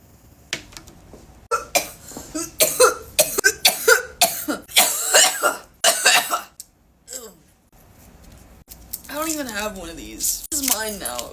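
A run of about ten harsh, rapid coughs after inhaling vapour, ending in strained, throaty voice sounds.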